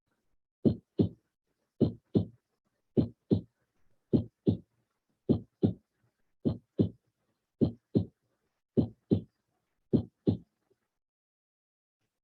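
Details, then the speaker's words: Simulated, regular paired lub-dub beats at about 52 a minute in a quiet background, played as a teaching example: normal first (S1) and second (S2) heart sounds. "the s1 heart sound is usually described as sounding like the word love and the s2 heart sound dub let's put the heart sounds in so you can appreciate this better"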